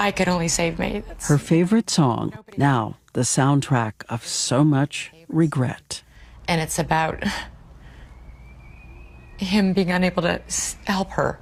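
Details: Real audio tape of an adult woman reading copy while drunk, recorded over two years earlier; she could read the words but couldn't make her mouth say them, struggling with simple words; slurred speech from alcohol intoxication.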